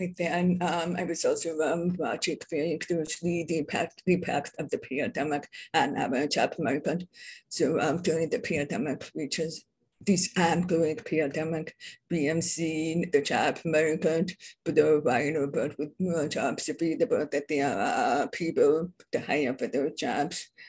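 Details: Adult who identifies as deaf and having a deaf accent; deaf speech (deaf accent).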